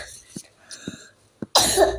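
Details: Child coughing while playing and filming, who apologises for the cough: three short soft coughs, then a louder burst with room noise.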